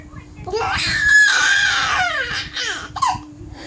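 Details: Baby with hiccups crying: a loud, high-pitched wailing cry with falling pitch, then a shorter second burst; an ordinary infant cry.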